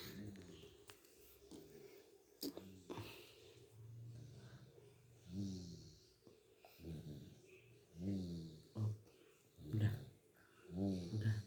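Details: Low rattling, buzzy breaths recurring in rhythm, some louder with a nasal whistle: a dog snoring while sleeping at midday.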